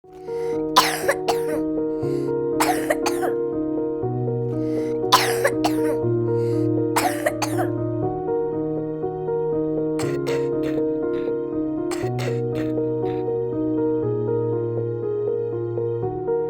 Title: whooping cough (Pertussis)